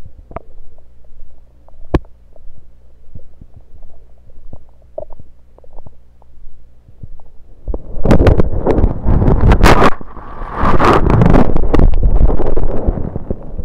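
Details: Stethoscope moved around the belly, recording focused on stethoscope placement: gurgling and rumbling normal bowel sounds with scraping noise as the chest piece moves.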